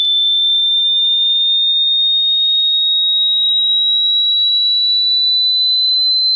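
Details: Generated hearing-test sweep from low to high frequency: a steady, pure, high-pitched tone rising only slightly over about six seconds.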